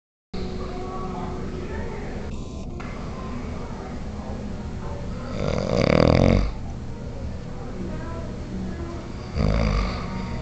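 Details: Man, a father, snoring heavily in his sleep: loud, deep rumbling snores over steady room noise.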